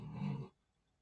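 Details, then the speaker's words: Snoring in a sleeping dog: a single low, rumbling snore of about half a second, followed by quiet. "um if you hear that in the background it's my talk snoring okay"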